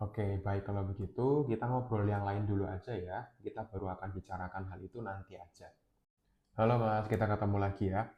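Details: Adult male speaker; typical speech.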